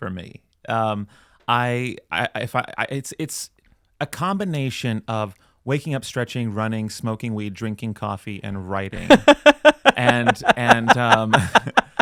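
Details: Adult male speaker; typical speech.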